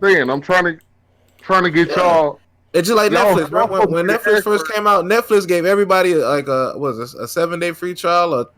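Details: Adult male speaker; conversational speech.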